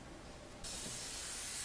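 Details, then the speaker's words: Steady spraying hiss of a dental air-water syringe rinsing an adult male patient's mouth after a digital bite scan, during an implant crown appointment; a healing cap is on the implant. "Okay, that's good. All right, let's go and rinse, please."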